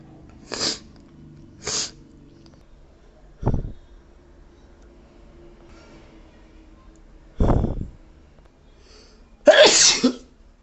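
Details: A person with a very sensitive nose that day, possibly from allergy, has a sneezing fit: five forceful, explosive sneezes over about ten seconds, the last one the loudest.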